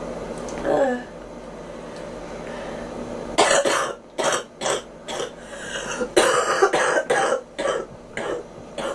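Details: A quiet stretch, then about eight short, dry coughs in quick succession from a young girl who complains of ears popping; cough.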